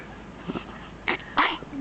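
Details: A 1-day-old newborn girl hiccuping, with two short, abrupt breathy catches about a third of a second apart over quiet room noise; she is said not to have eaten enough. Hiccups.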